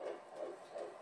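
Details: Fetal heartbeat, first heartbeat recording, on Doppler at a prenatal appointment, described as strong: fast, rhythmic whooshing pulses at about 165 beats a minute.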